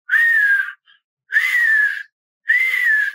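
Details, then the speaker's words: Vocal imitation of the expiratory wheeze heard on auscultation of a dog with chronic bronchitis: three drawn-out whistling tones, each under a second; wheezes mark narrowed small airways. "Há 2 semanas atrás eu auscultei um cão com bronquite crônica com um sibilo expiratório maravilhoso, como nunca tinha auscultado."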